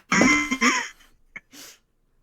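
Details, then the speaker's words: Adult who says they are kind of sick and have coughed about 20 times in 10 minutes: two quick, harsh cough bursts with a voiced edge, then a faint breath sound. "I'm kind of sick if you haven't figured out by the 20 coughs in about 10 minutes so far."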